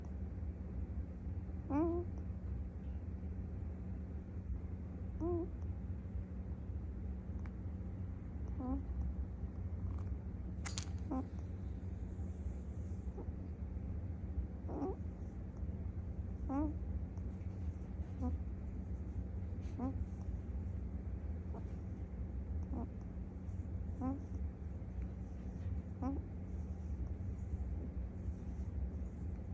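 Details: Pet prairie dog named Poppy sleeping: soft, squeaky little snores repeating about every two seconds over low room hum; snoring.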